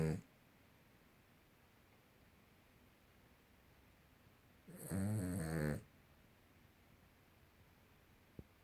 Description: Our small little dog has a serious snore